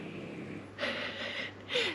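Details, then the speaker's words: Snoring of a pet, Nutella, in the background while an adult woman talks. "nutella's snoring in the background if we can hear that"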